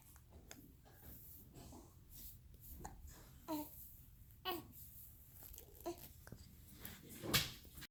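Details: Infant babbling with about four brief, sharp, voiced hiccups about a second apart.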